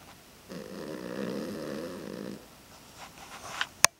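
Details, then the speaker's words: Pet very sleepy after being boarded at the vet all weekend, snoring: one buzzing, fluttering snore of about two seconds, then quiet breathing and a sharp click at the end. "Hey, silly boy. You tired? You snoring?"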